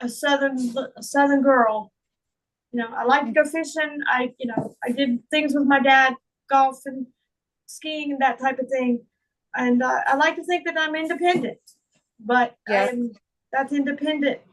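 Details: Adult woman with foreign accent syndrome that began on waking from a migraine in 2021 and was diagnosed by a speech therapist; she also reports slurred speech, functional neurological disorder, and trouble with word recall and reading. Real.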